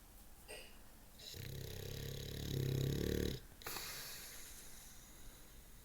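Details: Long, deep, rattling snore building in loudness on the breath in, then a short breath out, from a bulldog during sleep; heavy snoring from a flat-faced dog.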